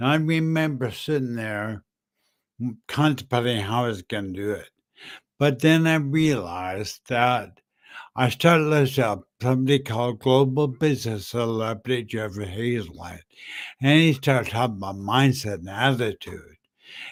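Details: Adult man with slurred speech after a stroke in September 2015 that also caused aphasia and short-term memory loss; says people think he is drunk; dysarthria.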